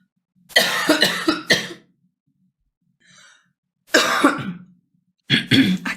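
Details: Woman with a hoarse voice coughing during a live broadcast: three bouts of harsh, repeated quick coughs separated by pauses and faint breaths, a coughing fit.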